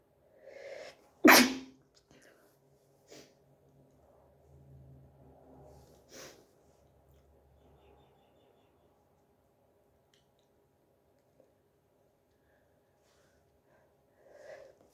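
One loud, sharp sneeze with a quick breath in before it, followed by sniffing and quiet breathing; hay fever sneezing.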